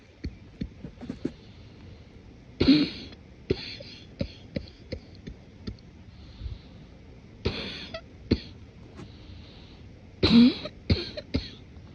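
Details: Morning cough deliberately suppressed and muffled to avoid waking someone: three muffled congested cough bursts with throat clearing and stifled sounds, congestion audible; productive morning cough.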